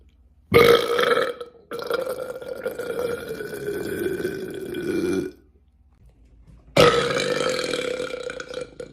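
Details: A sequence of long, loud, voiced burps, one drawn out over several seconds.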